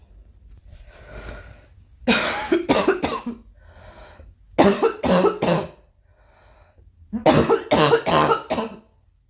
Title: Girl Coughing 359